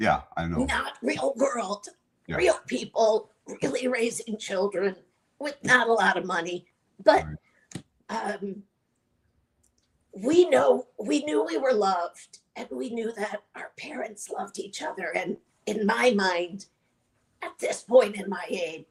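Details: Adult woman with chronic dysphonia (voice disorder), treated with Botox injected into the vocal cords every three months; real patient speaking; dysphonia (voice disorder).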